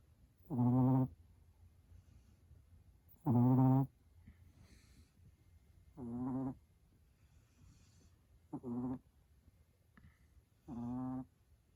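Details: Dog's unusual snore, likened to a buzzing bee or motorcycle: five loud, pitched, voiced snores of about half a second each, roughly 25 per minute, with quiet pauses between.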